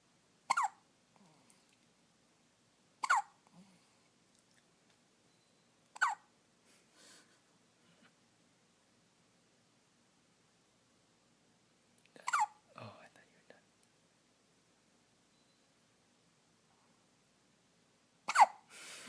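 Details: Five sharp, abrupt hiccups, roughly one every three to six seconds, in a quiet room; first hiccups.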